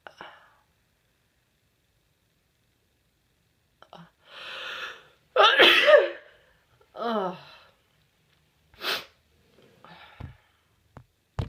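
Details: An adult with a tickle in the nose, possibly coming down with something, breathes in sharply and gives a loud, explosive sneeze, then a few small sniffs and exhalations.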